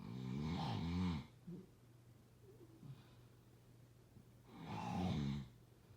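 Two loud, rattling snores on breathing in, separated by a quiet pause with faint breath noise.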